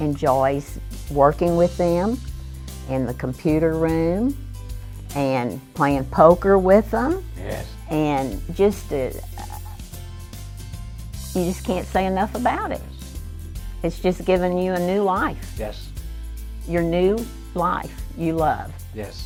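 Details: Person with aphasia attending an aphasia recovery center, with hesitations and word-finding difficulty; aphasia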